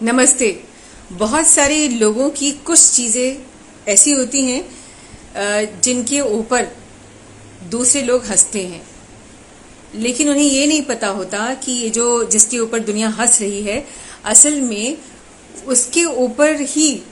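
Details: Adult woman speaking; typical speech.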